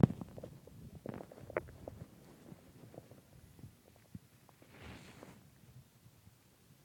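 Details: Stomach growling after a large pizza and two ice creams: quiet, irregular low gurgles and rumbles from the belly; borborygmi.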